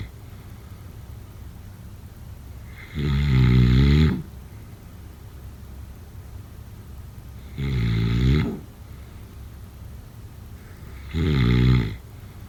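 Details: Snoring during sleep: three loud, low rattling snores about four seconds apart over steady room hiss.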